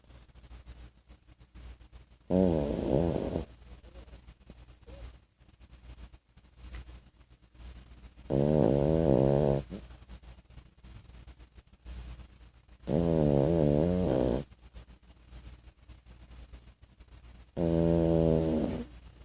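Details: 14-week-old French Bulldog puppy snoring: loud, rattling, fluttering snores on each breath, about every five seconds, with quiet between; snoring from a flat-faced dog.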